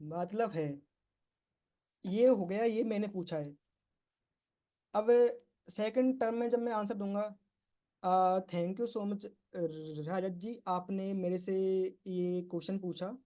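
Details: Stuttering in a man speaking Hindi at a stammering support group, with part-word and whole-word repetitions; he says he will use bouncing and prolongation techniques.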